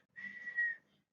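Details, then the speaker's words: A single short, high whistle imitating the whistling wheeze in the chest heard in asthma, during a talk on respiratory diseases. "entonces va a sufrir de insomnio silbidos en el pecho como si hubiera no"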